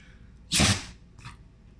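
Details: A 3-year-4-month-old Havanese dog gives a single sharp, hissing sneeze followed by a faint snuffle; sneezing.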